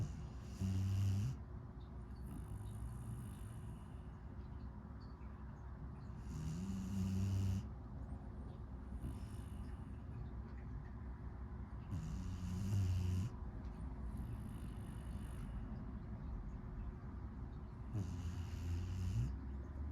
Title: Snoring little boy #puppy #husky #shepherd #shepsky #puppylife #sleepypuppy